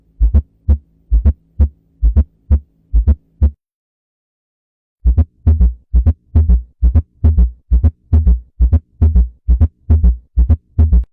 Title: 5 abnormal diastolic heart sounds #anatomy #nurse #doctor #diastology #cardiol #heartrhythm#gk